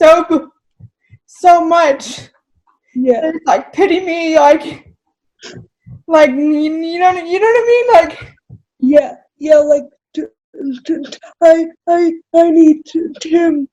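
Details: Adult woman with cerebral palsy who describes herself as spastic, speaking in a real, unacted podcast interview: spastic dysarthria (cerebral palsy).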